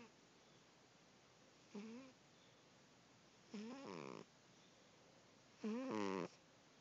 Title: Cute Kitty snoring